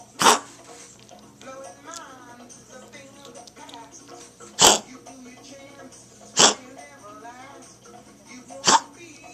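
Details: Dog with a cough in a milder coughing episode (full episodes reportedly four times as intense and up to two hours long): four short, sharp, forceful bursts a few seconds apart, over background music and voices.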